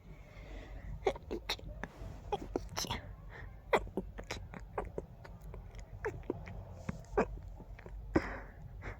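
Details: Allergy flare: a rapid run of many short, muffled, stifled sneezes with quick catching breaths, an urge to sneeze with every breath; sneezing fit.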